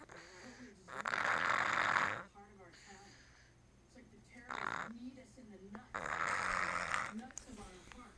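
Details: Loud rough snores on each breath in, with softer snorting breaths between, in a small quiet room; ordinary snoring.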